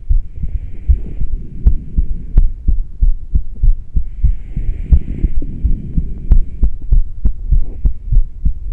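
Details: Quick, strong heart thumps with a faint airy hiss. It was recorded while breathing into a plastic bag through a straw with no fresh air, after about ten minutes of intermittent rebreathing. Fast heartbeat during rebreathing.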